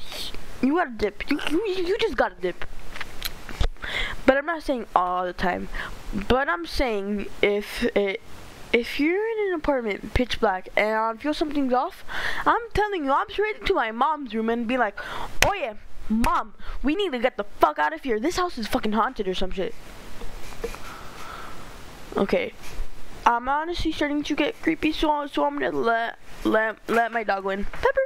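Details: Stuttering in a male narrator reading a story aloud, who says he stutters a lot and reads poorly.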